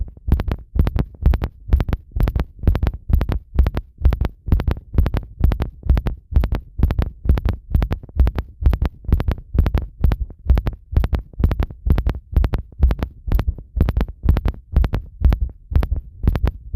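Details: Heart sounds recorded after bathing with pressure applied; strong, regular paired heartbeats at about 130 a minute, fast but steady, a rapid heartbeat after bathing.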